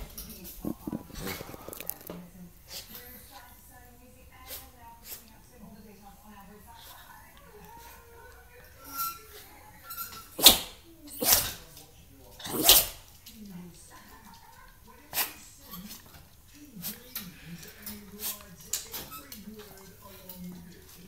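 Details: 4-year-old Chihuahua/Jack Russell cross with sudden, uncontrollable violent sneezing for 24 hours after being outdoors in dry, high-pollen conditions, recurring outside despite a vet's antihistamine injection: a rapid run of sharp, forceful sneezes.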